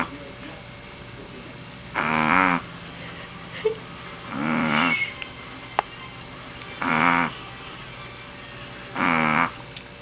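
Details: Pomeranian dog asleep: four rattling, buzzy snores about every two to two and a half seconds; ordinary snoring.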